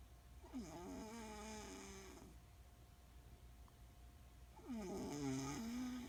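Two drawn-out, wavering, tonal snoring breaths separated by quiet, in a still room.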